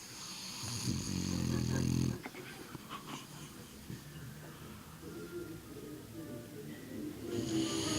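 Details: Sleeping bulldog snoring: a low, rattling snore followed by quieter snuffling breaths.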